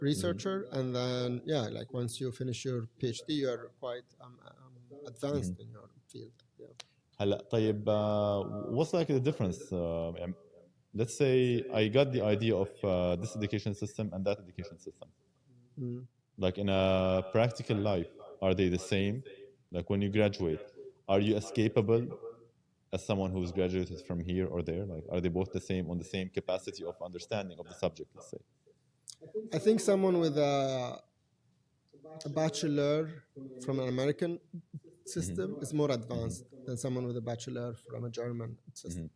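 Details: Adult man who has stuttered since age five or six, with blocks, lip and tongue tension, word repetitions and fillers; now controlled with pull-out and preparatory-set techniques learned in therapy in Germany; stuttering.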